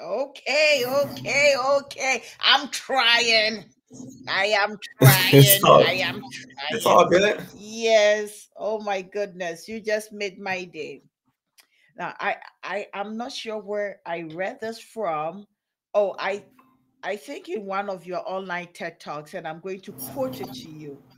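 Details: Adult man who has stuttered since age five or six, noticeable over extended conversation; word and phrase repetitions heard; stuttering.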